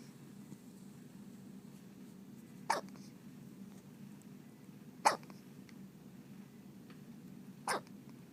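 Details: Three short, sharp hiccups about two to three seconds apart over a quiet hum; ordinary hiccups.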